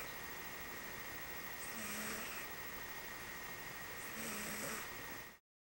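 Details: Snoring: two slow, soft snoring breaths over a steady background hiss, about one every two to three seconds.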